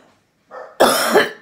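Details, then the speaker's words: Orthopedic surgeon with COVID-19 doing an airway-clearance breathing exercise: a deep quick breath in, then one forceful, wet-sounding productive cough clearing phlegm. "oh I feel another one coming on here we go deep breath in so I get that full force this beauty mount okay here we go"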